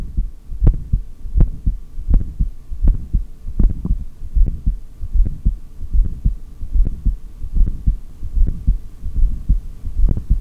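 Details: Steady, strong heartbeat at about 74 beats a minute through a stethoscope during a long breath-hold, part of a single take with exhaled holds up to 3:17 and inhaled holds up to 4:18, with a low hum behind.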